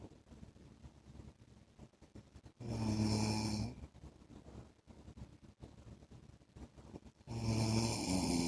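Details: Husband asleep: two loud, buzzing snores several seconds apart over quiet breathing and faint room noise; snoring during sleep.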